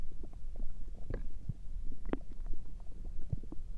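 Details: Continuous low rumbling with scattered gurgles and pops, recorded up close through the night; ordinary stomach rumbling of digestion (borborygmi).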